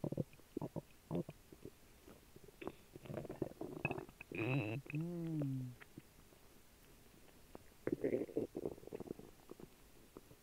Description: Turns out that dry cereal, apple juice and jelly beans don’t mix too well.